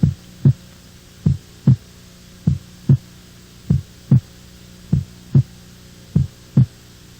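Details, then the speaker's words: Normal heart sounds from a teaching recording: regular paired sounds at about 49 beats a minute, a first sound, a short silence, then a shorter, higher-pitched second sound from aortic and pulmonary valve closure. "O som da segunda bulha é mais agudo e sua duração é menor quando comparada à primeira bulha. O reconhecimento das bulhas fica mais fácil quando se tem em mente o ritmo das batidas."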